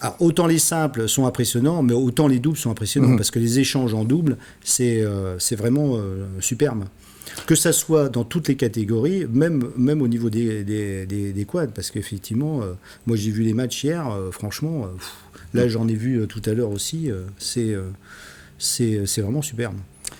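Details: Adult male speaker; normal speech.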